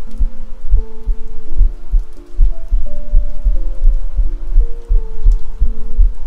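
Steady, regular soft low thumps of a resting heartbeat under a sustained musical backing; normal heart sounds.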